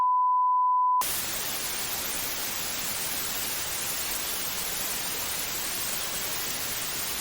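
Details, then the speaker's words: Simulated tinnitus of the white-noise type, played as an example: a constant, unpatterned sound like TV static. "another sound that we listen was white noise but this sounds like a TV static it's constant and unpatterned"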